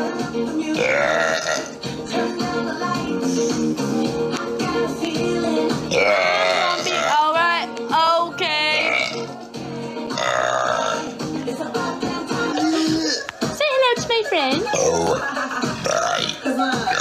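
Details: A girl burping in a TikTok burp compilation: long, drawn-out belches over loud background music, with repeated burping.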